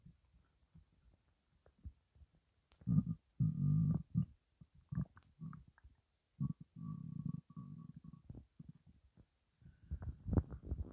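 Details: Low gurgling and rumbling bursts that come and go in a quiet room, stomach growling from hunger on an empty stomach; borborygmi.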